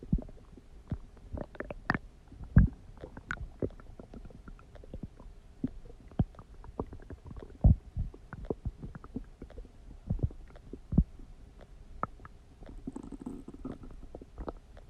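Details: Scattered gurgles, pops and low rumbles from the belly; ordinary stomach growling (borborygmi).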